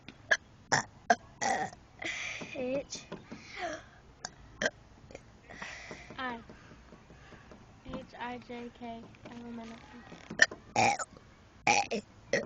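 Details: A girl voluntarily burps the alphabet as a party trick: long, deliberate burps shaped into spoken letters, mixed with short throat bursts.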